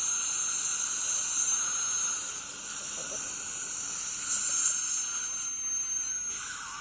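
Steady high-pitched whine and hiss of an ultrasonic scaler with water spray during deep dental scaling.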